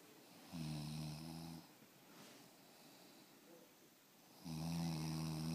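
Two deep, steady, droning snores about four seconds apart over a faint hiss of room noise. Ordinary snoring.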